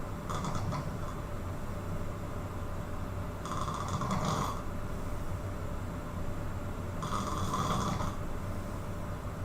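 Three rough, rattling snores about every 3.5 seconds over steady background noise, roughly 17 breaths a minute; loud snoring during sleep.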